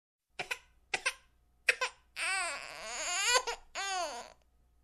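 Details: Baby crying sound effect: an infant gives three short sobbing catches, then a long, high wailing cry that rises and falls, then another; infant crying.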